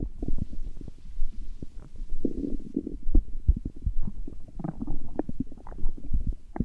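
Low gurgling rumbles with bubbly pops, irregular and continuous; ordinary stomach growling from gas and fluid moving through the gut.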